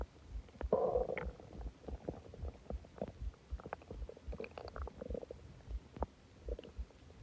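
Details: Loud stomach growling after eating a lot and drinking soda; repeated gurgles, squelches and groaning rumbles in bursts. Borborygmi.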